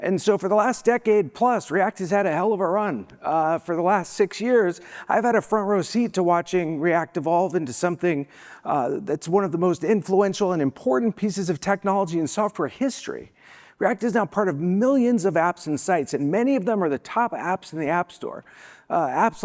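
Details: Spasmodic dysphonia, a vocal disability, in an adult woman who states she is not sick.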